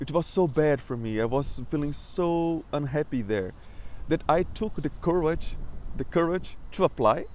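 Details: Adult man who describes himself as a person who stutters; stuttering.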